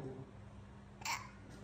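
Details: Child's single sharp, brief hiccup against quiet room noise, just after tonsillectomy and adenoidectomy.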